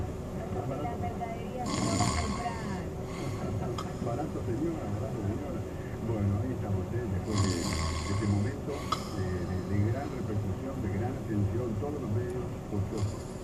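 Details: Human snoring: low, rasping snores partly buried under a radio talk broadcast playing throughout.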